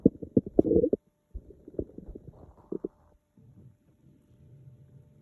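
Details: Hunger-related bowel sounds (borborygmi): stomach noises from an empty stomach.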